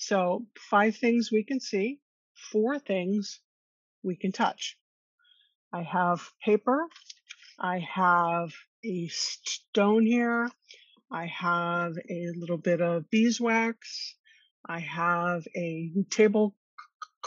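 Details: Stuttering in an adult woman; she co-hosts a webinar on workplace stress and anxiety for people who stutter.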